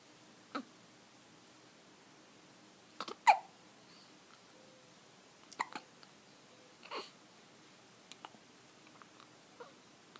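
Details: Quiet, abrupt hiccup clicks, about four in ten seconds at irregular spacing, against soft room noise.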